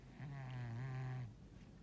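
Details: 14-year-old male cat, a very deep sleeper: a single low, buzzing, rumbling breath lasting about a second; snoring during sleep.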